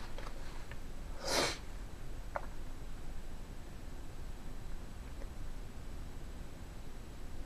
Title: Random sneezing